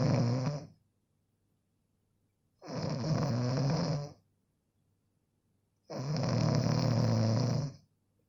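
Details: Snoring sound-effect recording: loud, low, rattling snores on each breath, about 20 a minute, with quiet pauses between them.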